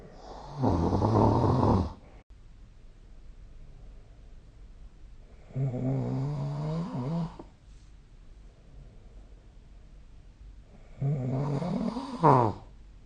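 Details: Snoring recorded with the SnoreLab app: three loud, rough snores, each on an inhaled breath, with quiet pauses between them; ordinary snoring.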